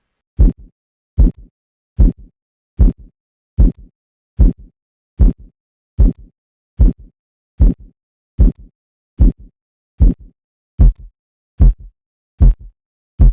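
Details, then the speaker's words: Blood pressure measurement as the cuff deflates: regular soft thumps with a brief swishing tail, about 75 a minute; Korotkoff phase 2, a clearly audible murmur following the faint, growing phase 1 sounds. "la fase un está compuesta por sonidos débiles pero claros que van aumentando progresivamente de intensidad en la fase 2 de korotkov se percibe un soplo bien audible"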